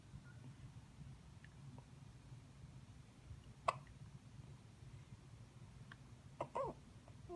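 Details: Two soft, abrupt hiccups a few seconds apart against a quiet room hum; ordinary hiccups.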